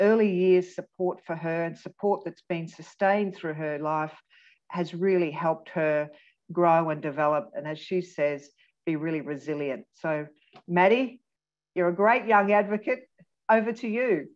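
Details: Adult woman speaking; typical speech.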